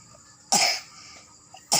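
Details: 5-year-old child coughing while reciting juz 1 of the Quran in a memorization test she passed: one sharp cough and the start of a second, in a quiet room.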